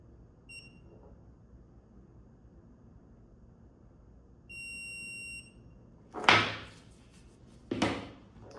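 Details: Short high electronic beeps marking a curing light's timed cycle, followed by handling clatter: the final occlusal cure of brackets under an indirect bonding tray during digital indirect orthodontic bonding.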